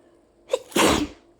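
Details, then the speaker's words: Allergy sneezing after opening windows on a hot summer day, with a nonstop nose tickle for two minutes: a short intake, then one loud explosive sneeze through nose and mouth. "No, I still have to sneeze. Jesus. Oh. Oh my god. It feels amazing when I just let them all out like that."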